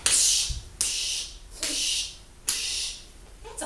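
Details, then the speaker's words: Four rhythmic breathy whooshing sounds, a veterinarian's vocal imitation of a heart murmur heard through a stethoscope, demonstrated to children as a sign of something wrong with the heart. "heart murmur there's something wrong with your heart maybe we need to do something about that"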